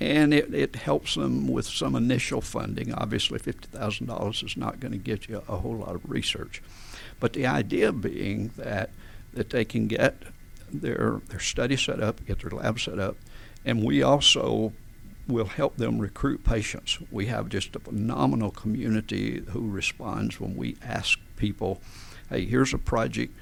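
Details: Adult man with adductor spasmodic dysphonia, a rare neurological voice condition with onset around 1999-2000: laryngeal muscle spasms slam his vocal folds together, so speaking takes more effort; treated with botulinum toxin injections below the Adam's apple; adductor spasmodic dysphonia.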